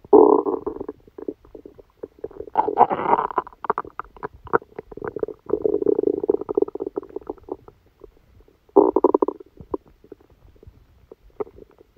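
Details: Loud, long gurgling and rumbling bowel sounds with short pauses, louder than usual, from the abdomen of a person who had a stomachache after Christmas dinner, recorded while they slept.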